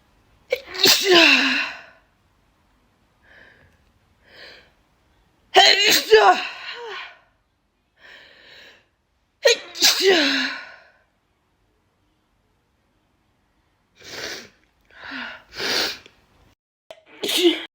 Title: Some more sneezes🤧